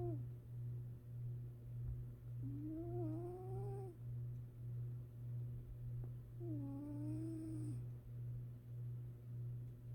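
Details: Napping cat: steady low rhythmic rumble of sleep breathing, about 100 cycles a minute, with two brief rising whistly squeaks; gentle snoring.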